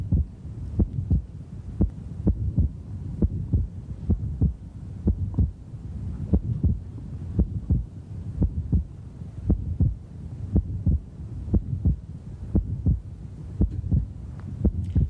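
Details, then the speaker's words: Fixed splitting of S2 in a male patient; second sound stays split through inhalation and exhalation, widening and narrowing slightly but never single; short mid-systolic murmur also heard. "m wide splitting means no matter whether he's inhaling or exhaling you can still hear splitting of the second sound there's no phase in which you don't hear splitting"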